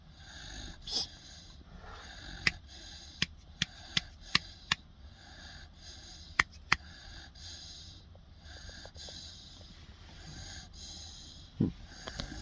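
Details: 16-week-old Boerboel puppy, resting, possibly with eyes open: wheezy, snuffling nasal breaths with repeated snorts and sharp clicks in a quiet room; snorting noisy breathing.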